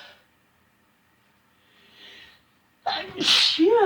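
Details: Induced sneeze: a quiet pause and a faint inward breath, then one loud, sharp sneeze with a voiced burst at the end.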